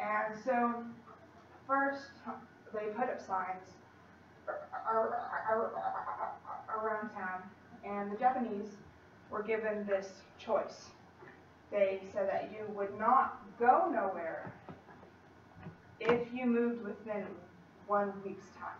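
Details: Female college student who stutters, giving a practice presentation to 10-15 people at her speech therapy clinic; stutters more before unfamiliar people or large audiences, sometimes struggles to use her speech technique, tries not to substitute or avoid words; stuttering.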